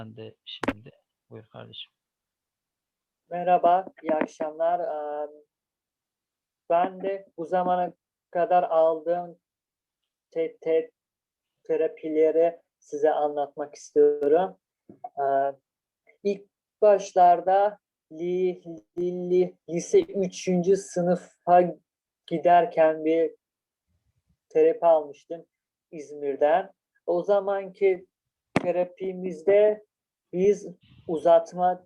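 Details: Stuttering in a Turkish-speaking person who stutters.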